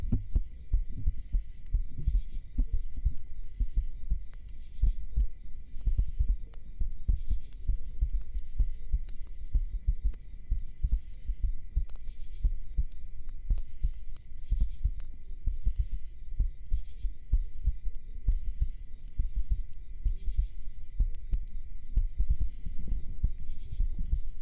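Steady, muffled low thumps of an adult heartbeat picked up through the chest, with a faint background hum.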